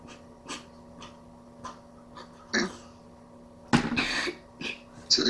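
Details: A child with habit cough coughs during a timed cough-suppression session in clinical treatment.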